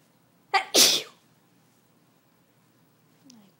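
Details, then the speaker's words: Person with allergies and a runny nose: a single sharp sneeze with a brief inhaled lead-in, then quiet; an ordinary sneeze. "The sneezes are scaring the cat. Darn it. My nose is running so bad."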